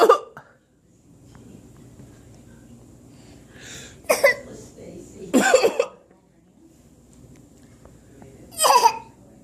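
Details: Child (son) sick for about three days: four short, sharp coughs spaced over several seconds against quiet room noise; cough.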